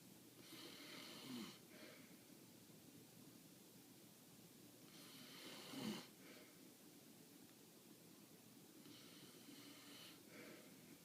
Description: Not even a puppy can sleep with that snoring Look how she wakes up every time he snores.